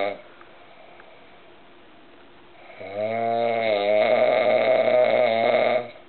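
A quiet pause, then a long, loud, rattling snore on the in-breath.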